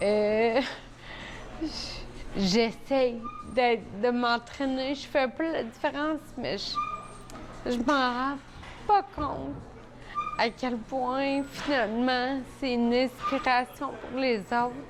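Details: 41-year-old woman with Friedreich ataxia, a rare degenerative disease caused by frataxin deficiency in nerve cells; gait changes from age 12-13, diagnosed at 22, now uses a wheelchair, speech affected; ataxic dysarthria.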